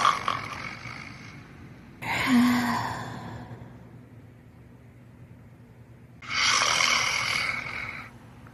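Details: Two loud, harsh, rasping breaths a few seconds apart with quiet between them; snoring.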